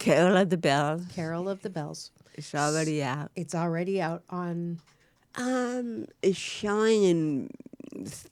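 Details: Adult woman (actress) with cerebral palsy, with dysarthria (cerebral palsy).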